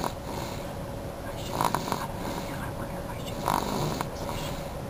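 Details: Snoring while very tired after a long drive and a bottle: two rough, snorting breath sounds over a steady room hum.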